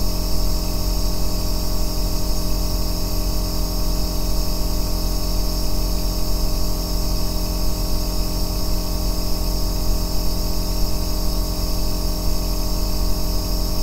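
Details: Aerosol nebulizer compressor running continuously, recorded as an ASMR white-noise track for sleep and relaxation: a constant low droning motor with light airy hiss, no pauses.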